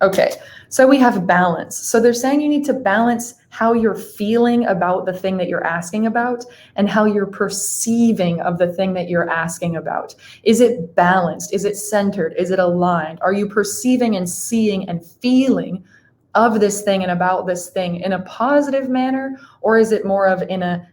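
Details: Adult woman speaking; normal speech.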